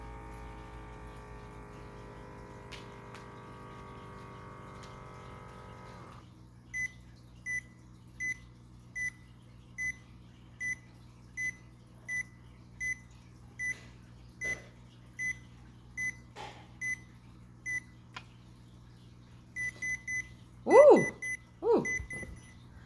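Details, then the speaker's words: Automatic upper-arm blood pressure cuff on the left arm, aligned over the brachial artery, seated with feet flat: steady pump hum inflating, then slow soft beeps while deflating, ending in louder beeps; reading 148/92. "what's great about this blood pressure cuff is it literally tells you how to line up your cuff so then that way it can monitor your brachial artery which is the artery here in your arm that gets included okay so I'm going to go ahead and run it"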